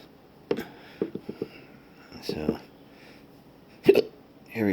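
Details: Persistent intractable hiccups since December 2015, not resolved by doctors, with breathing and choking spasms, recorded around 1:15 am: repeated abrupt, sharp gulping catches about every 3 seconds (20 per minute) with brief breathy sounds between them.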